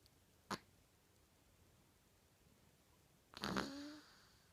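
A brief noisy snort, then a longer rough snorting breath trailing into a low tone; a nasal snort.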